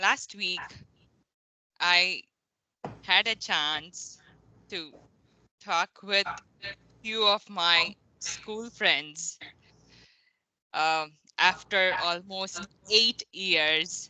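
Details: 33-year-old woman, Tamil/English bilingual, severe stuttering since age 9 with blocks on most words; years of therapy; after 5 weeks of coaching greatly improved with few bad incidents; stuttering.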